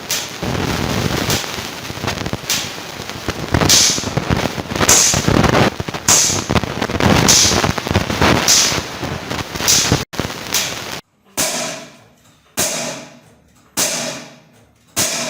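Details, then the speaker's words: Shock wave lithotripsy machine firing to break kidney or bladder stones without surgery: loud sharp cracks about 50 a minute over steady machine noise, produced by capacitor charging and discharging, not by the stone breaking. "दोस्तों जब ये machine stone को ब्रेक कर रही होती है तो उस टाइम बहुत ज़्यादा आवाज़ आती है। ये बेसिकली आवाज़ जो होती है वो कैपेसिटर के डिस्चार्ज और चार्ज होने की होती है।"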